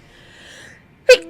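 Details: Female adult streamer's sneeze: a single short, sharp, high-pitched sneeze after a quiet stretch.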